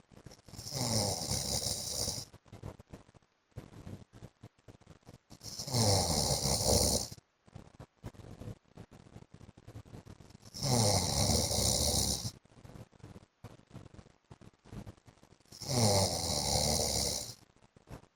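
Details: Adult man (husband) snoring during sleep: loud, rough rattling snores on each inward breath, about 12 a minute, with quiet breathing between; ordinary heavy snoring.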